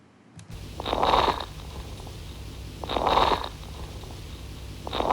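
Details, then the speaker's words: Crackles heard bilaterally over the lower lung fields from behind, with rapid breathing about 30 a minute and crackling on each inhalation; signifies pulmonary edema from mitral stenosis. "Crackles थे। तो इस patient में lungs में crackles भी थे, ठीक है। तो क्रैकल्स, यस, दे सिग्निफाई पल्मोनरी एडीमा।"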